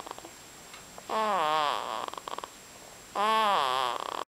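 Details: Female sleeper giving two long, voiced, groaning breaths with sliding pitch, separated by short snuffles; loud snoring.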